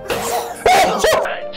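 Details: Simulated sneeze acted by an adult for a cold-and-flu public health message: a short intake, then two sharp voiced bursts over background music.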